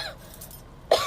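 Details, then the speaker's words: Acted scene: near-quiet room, then one sharp, abrupt, dry simulated cough at the very end; person says their throat hurt. "What the hell you coughing for? My throat hurt."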